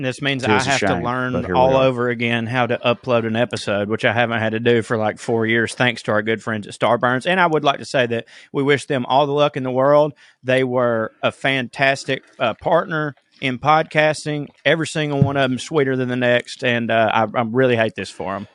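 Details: Adult male speaker; normal speech.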